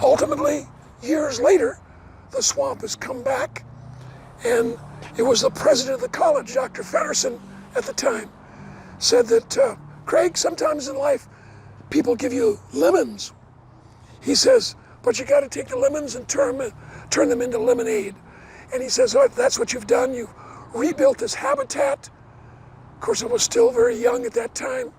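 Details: Adult man with dysphonia after partial vocal cord resection: one third of the vocal cords removed in 2008 after two bouts of vocal cord cancer, first diagnosed from hoarseness; he never smoked, and the cancer was probably caused by secondhand smoke.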